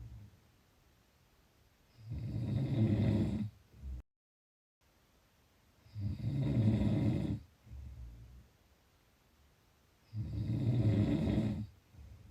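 Three low, rattling snores on the in-breath, separated by quiet pauses, about 15 breaths a minute; snoring.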